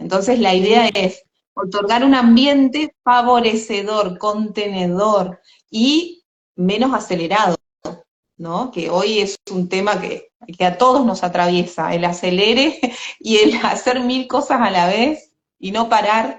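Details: Adult woman speaking Spanish; typical speech.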